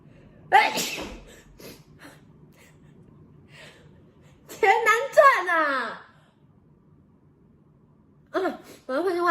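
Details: Taiwanese young woman with nasal allergies, sneezing induced by a nasal swab test rotated in each nostril: sharp explosive sneezes with gasping intakes, several in a row, then two more.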